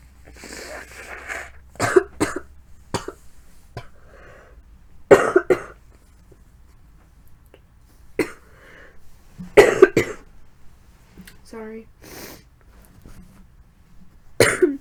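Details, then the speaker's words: Person sick with a cold felt mostly in the throat: repeated short, fairly dry coughs and throat clearing in a quiet room, with sniffs between; cough. "sorry sorry for all the coughing um this um whatever cold is really in my throat"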